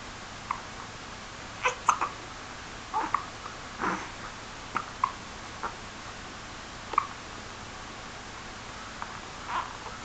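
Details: Two 2-month-old infants hiccupping in sync: about a dozen brief, squeaky catches at irregular intervals in a quiet room.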